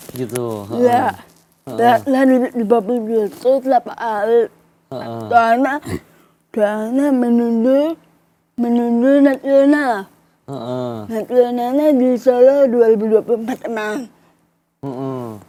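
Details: Young adult woman with cerebral palsy and delayed speech development; she communicated only in writing in primary school and began speaking in junior high after therapy with her mother; dysarthria (cerebral palsy).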